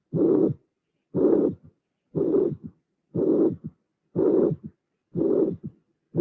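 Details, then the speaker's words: Mitral regurgitation recording built step by step as a teaching construction: first and second sounds, then a long blowing systolic murmur, then a third heart sound. Steady rhythm near 60 a minute. "so in this case i didn't mention before we have a third sound appearing at the end so you will have three phases in the construction of the auscultation"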